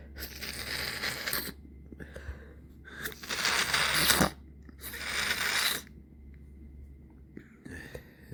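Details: Person with a stuffy nose irritated for several days, recorded in the evening: several sneezes, some open and some stifled, with nasal congestion between bursts.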